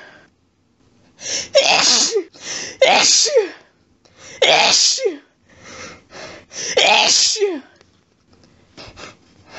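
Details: Adult female sneezing fit in bed, triggered by a friend's cat lying under her chin after a sneezy day: about seven rapid, forceful wet sneezes in quick sets with short breaths between.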